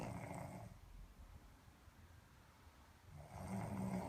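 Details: Boston terrier and a man snoring together: rough, low snoring breaths at the start and end with a quieter pause between; ordinary snoring.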